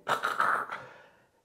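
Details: Imitated gasp: a sharp, noisy breath burst fading out, like breathing restarting after a sleep apnea pause.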